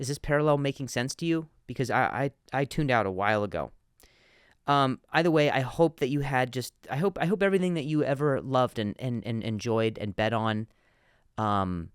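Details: Adult male comedian who stutters, speaking on his podcast with word and phrase repetitions; stuttering.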